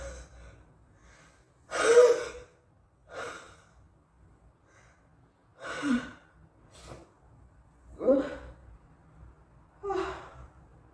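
Six sharp breathy bursts about two seconds apart, like gasping inhalations and sneezes in a quiet room; repeated pre-sneeze gasping.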